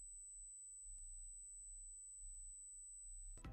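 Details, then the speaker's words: Simulated tinnitus (acúfenos): a steady high-pitched whistling tone held throughout, representing ringing heard only by the affected person. "Se le conoce como acúfenos. son causados debido a la exposición de ruidos fuertes, infecciones de oído o problemas de circulación. Y no existe una fuente externa de sonido, así que solo tú puedes escucharlo."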